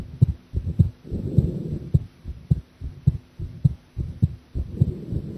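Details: Live-streamed heart sounds of a person drinking coffee, who felt the heartbeat was unstable.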